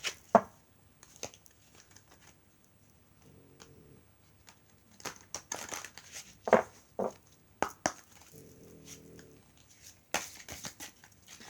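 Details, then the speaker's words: Sleeping dog snoring softly: two soft, drawn-out snores heard between loud paper crinkling and tearing noises in a quiet room; snoring. "Si vous entendez ronfler tout doucement, c'est Marvin."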